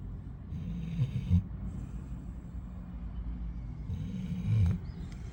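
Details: Low, rumbling snorts repeating every few seconds during sleep breathing, over room noise; snoring.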